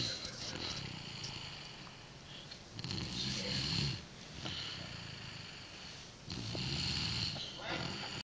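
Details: Dog snoring loudly in sleep: slow snoring breaths with a rough, rattling draw, about 18 a minute; ordinary snoring.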